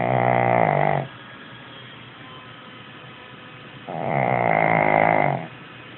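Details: 11-year-old Shih Tzu snoring: two loud, buzzing, rattling snores about four seconds apart, roughly 15 breaths a minute.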